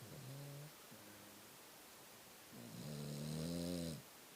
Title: Mr Pickles snoring.